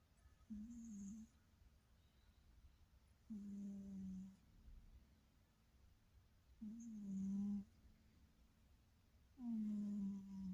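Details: A sleeping cat snoring very quietly; soft enough that it needs maximum volume to hear.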